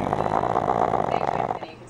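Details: Snoring during sleep, said to run in the family: loud, rough, rattling breathing through the nose and throat, fading at the end; snoring.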